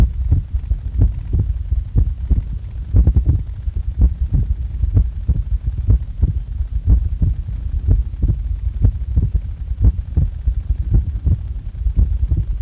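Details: Heart recorded just after waking: a steady, low thumping heartbeat of about 75 beats a minute with a low hum underneath; regular rhythm.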